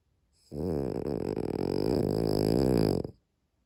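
One long, rattling, fluttering snore from a sleeping dog, lasting about two and a half seconds, in a quiet room.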